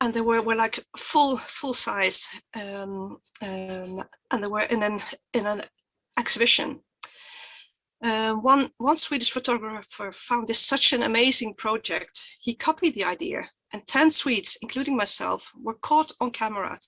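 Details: Real stuttering in a woman who identifies herself as a person who stutters and was photographed in her stuttering block; stuttering.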